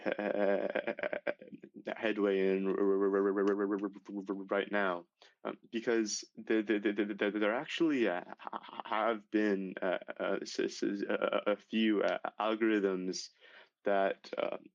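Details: Stuttering in a male high school senior whose severe stuttering began at age 10, after six years of speech therapy; repetitions are audible.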